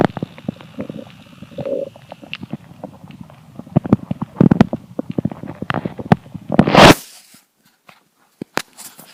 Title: Hungry Empty Stomach Rumbling Part 3 (22/10/2015)